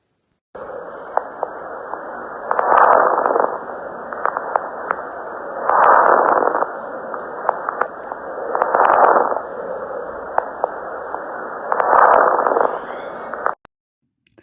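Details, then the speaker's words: Wheezes heard on chest auscultation at about 19 breaths a minute: continuous, high-pitched, whistle-like sounds from airway obstruction, heard throughout the respiratory cycle but more prominent on expiration. "ruidos continuos de alta frecuencia que parecen silbidos se producen cuando existe obstrucción de las vías aéreas"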